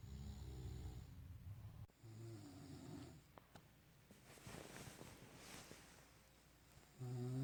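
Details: Adult man (a father) snoring while asleep at night, recorded in 2019: low, rumbling snores on the in-breath, with quieter breathing and rustling between them. Snoring.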